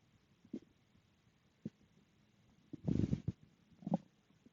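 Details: Stomach growling after dinner: quiet scattered low gurgles and a longer rumbling burst; ordinary normal bowel sounds.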